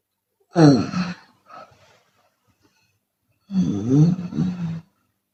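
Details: Chinese woman asleep with her mouth open, snoring and sometimes exhaling audibly: snoring.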